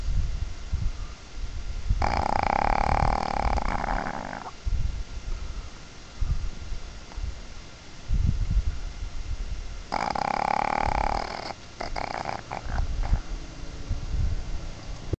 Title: My Dog Bailey Snoring